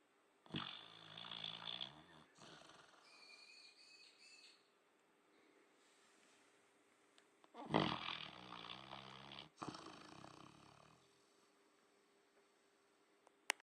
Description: Our little labrador snoring on autumn day.